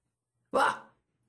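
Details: Pet cockatiel after drinking a small amount of decaf coffee: a single short, rough burst under half a second, a burp.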